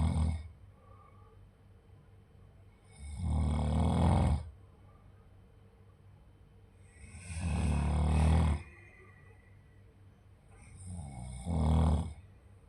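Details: Loud, low rumbling snores repeating about 16 times a minute, with quiet gaps between them; ordinary snoring.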